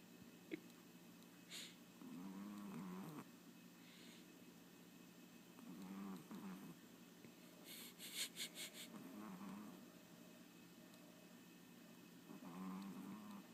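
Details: Small female pet, Harley, snoring loudly for her size: rhythmic low snores every few seconds over steady room noise, with a brief jingle partway through: snoring.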